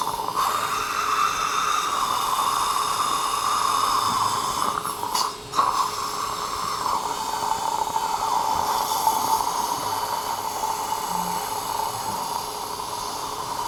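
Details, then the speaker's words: Steady high whine with a short pause from the first 2x8 osteotomy drill in fully guided implant surgery for an implant-supported overdenture, used with pumping motion after bone-level flattening, over faint room noise. "Now I will start with the first drill which is 2x8."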